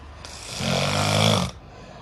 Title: TOP 5 SNORING SOUND FUUNY EVER😂😂 #fypyoutube #video #funny#funnyshorts #sleep